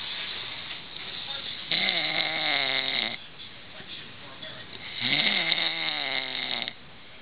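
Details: Two loud, vibrating snores about 1.5 seconds each, separated by a quieter breath, from an adult man sleeping on a couch; snoring.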